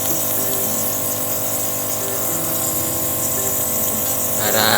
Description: NEBULIZER MACHINE RELIEF MY KIDS COUGH WITH PLEM HELP THEM CLEAR THEIR LUNGS.